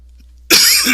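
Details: A single abrupt, harsh cough after a brief quiet moment, trailing off, from an adult who feels sick with a persistent cough they attribute to allergies.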